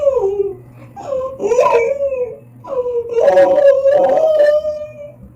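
An infant cries in rising and falling wails with breaths between, in a small room.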